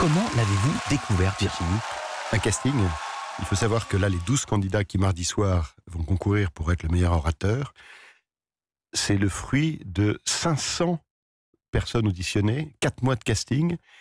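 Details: Adult male speaker (radio host); Typical speech.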